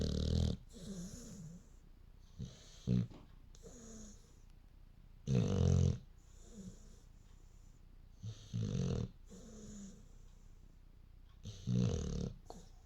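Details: Dog snoring in its sleep: rhythmic snorting snores with soft whistling exhales, roughly 20 breaths a minute.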